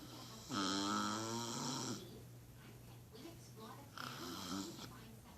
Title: Snoring wife.